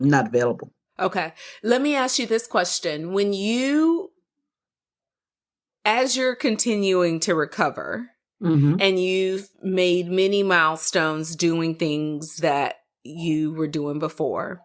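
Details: Adult woman speaking; typical speech.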